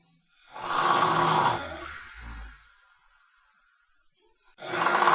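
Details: Sleeping dog snoring: loud rattling snore on the in-breath, a softer fluttering exhale, then the next snore begins; typical snoring.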